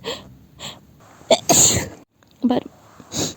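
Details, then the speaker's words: Breathy intake, then a sharp explosive sneeze and a smaller second one; acted sneezing scenario, sneezing all morning since waking with a tickling nose, cause uncertain (cold or dust suspected). "cuz I keep sneezing all morning wait wait a second I think I need to blow my nose first and yeah I seem to not be able to stop sneezing"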